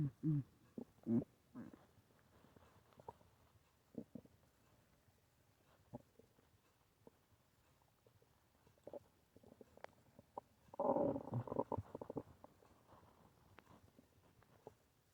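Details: Irregular gurgles and rumbles from the belly with a longer bubbling growl near the end; ordinary stomach growling (borborygmi).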